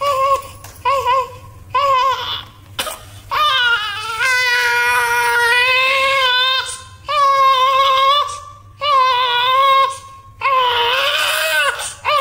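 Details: A newborn baby boy cries strongly and rhythmically in repeated wails with brief catch-breaths, about 36 cries a minute; a normal, vigorous newborn cry.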